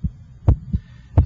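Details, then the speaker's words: Electronic stethoscope over the apex (PMI), with S1 timed to the radial pulse. Clear lub-dub heartbeats at about 85 a minute, with a louder first sound. Normal first and second heart sounds. "I can hear your first heart sound and I can hear the second heart"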